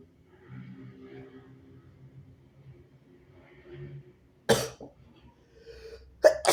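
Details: Two harsh, explosive coughs after quiet murmuring, from a sick nonbinary person also having very harsh sneezes.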